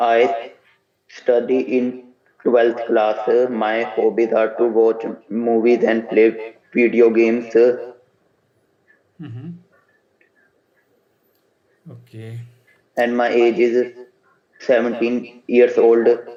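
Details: 17-year-old boy after voice therapy for puberphonia, who also has an untreated stammer; corrected puberphonia (normal male pitch after voice therapy).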